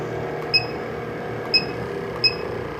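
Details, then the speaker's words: Eclipse 5 portable oxygen concentrator in pulse-dose mode: brief sharp puffs at irregular intervals over faint room noise, each puff one small bolus of oxygen. "the ml's is your bolus size or the size of each puff of air that you receive and the number of the 2.0 is your pulse setting"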